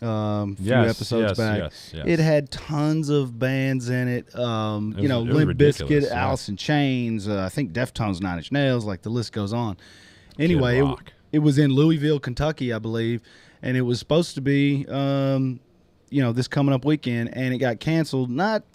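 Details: Adult male speaker; normal speech.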